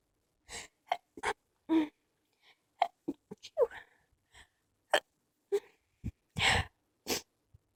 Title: Stifles sneezes